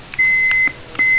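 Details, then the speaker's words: Heartstream FR2 (Philips FR2+) AED during its manual self-test, with buttons being checked: two short high electronic beeps as buttons are pressed, a normal device response. "This is the manual part of the self-test. It's going to check all. I'm supposed to check all the buttons now."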